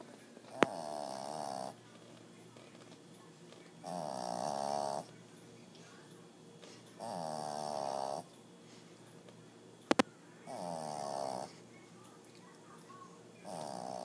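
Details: Heavy snoring: rhythmic rattling snores on each breath, about 5 in 14 seconds, roughly 20 a minute, in a quiet room.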